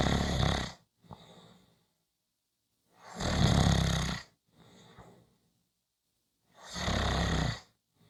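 Three loud, rough, rattling snores roughly every three seconds, about 20 breaths a minute, with soft breaths out between them.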